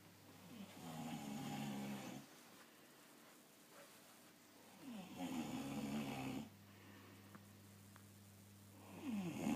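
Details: Man sleeping who denies snoring: loud, rattling snores with long quiet gaps, about two snores in ten seconds. Ordinary snoring.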